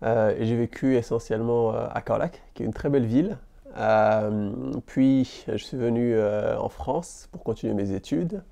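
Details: Adult man from Senegal who stammers, described as different rather than disabled; stuttering.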